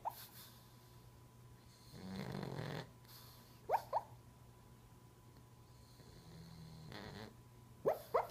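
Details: Silver pug snoring while sleeping and dreaming: rough, low snoring breaths with brief squeaky whimpers, steady background hum.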